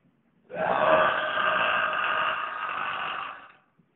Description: Holy Burp! Loud and creepy